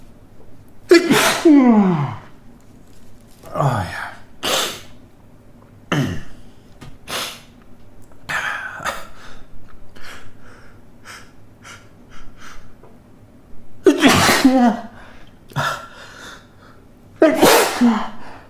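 A run of loud, explosive sneezes, each with a sharp intake before, about five bursts with sniffs between; ordinary induced sneezing.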